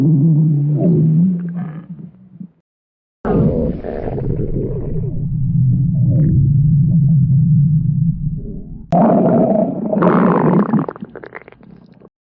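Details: Stomach growling (borborygmi): long, loud low rumbling growls with gurgling shifts in pitch, broken by a brief pause.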